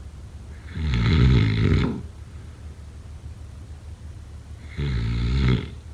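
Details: Two loud, rattling snores on the in-breath about four seconds apart, separated by quiet, during sleep: heavy snoring.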